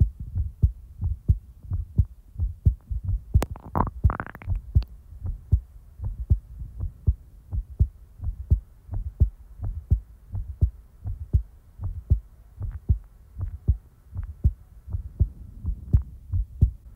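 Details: Person's heartbeat recorded in real time: steady, low, paired thumps at roughly 80–85 beats per minute with a brief rustle near the start; regular rhythm, normal heartbeat.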